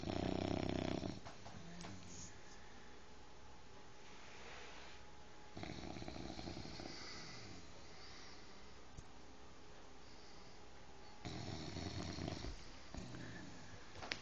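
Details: Soft, rhythmic low rattling snores with intermittent louder breaths from a sleeping 5-month-old bulldog puppy; snoring.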